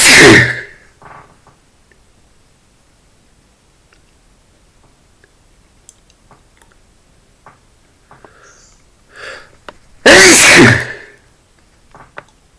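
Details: Male sneezing after getting things out of a dusty closet: two sharp, explosive sneezes about ten seconds apart, with faint sniffs between them.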